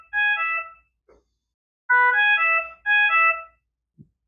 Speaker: The obstruction alarm occurs when the ventilator detects an obstruction during ventilation or the exhalation swivel is obstructed or missing.